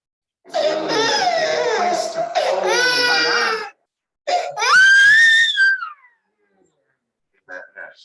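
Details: Long, loud, very high-pitched cries with shrill rising wails and brief gasps from an infant born by emergency cesarean after getting stuck in first-stage labour, crying about 15 minutes in a workshop session: high-pitched crying linked to birth trauma.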